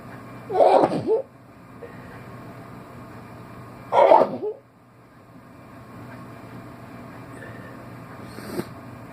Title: Wake up sneezing